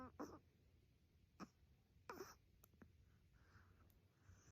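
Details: Sleeping Chihuahua making a few brief snorts and puffs, then faint soft murmuring; owner unsure whether it is snoring or sleep-talking: sleep snorting and vocalization.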